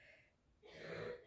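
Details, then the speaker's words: A single muffled, throaty cough from the speaker's child in the background of the room, after a moment of near silence: cough. "A jeszcze chciałam wam coś pokazać w tle możecie usłyszeć kaszel mojego dziecka"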